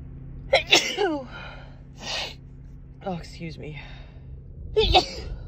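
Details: Woman sneezing three times, each with a sharp in-breath and explosive burst and a soft gasp between, mostly brought on by dust allergies; allergy sneezing.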